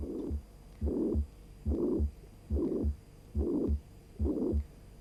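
Regular heartbeat near 71 a minute, with a harsh, even murmur filling all of systole from the first to the second sound: a pansystolic murmur.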